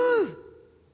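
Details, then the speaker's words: One brief, voiced, effortful breath that falls in pitch, imitating a dying person's labored in-breath in the last minutes to hours of life; imitated agonal breathing. "in the last hours minutes time of a person's life at first the effort is to keep breathing in and so the breath sounds like"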